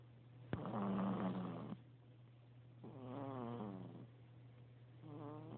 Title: snoring